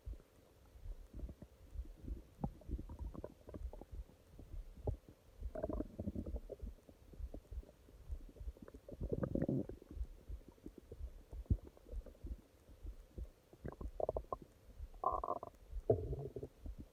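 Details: Stomach growling at night: low gurgling and rumbling bowel sounds (borborygmi) in irregular bursts, typical of normal stomach growling.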